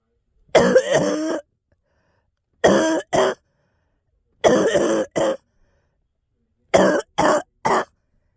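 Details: Girl coughing with throat clearing: four bouts of short, dry coughs, eight coughs in all, separated by silence.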